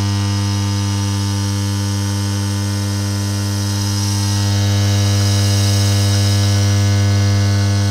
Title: Relaxing Sound That Makes You Fall Asleep Quickly! [ASMR Nebulizer]